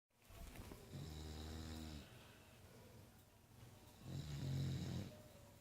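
Two deep, rumbling snoring breaths with low buzzing vibration, separated by quieter exhalation. Snoring.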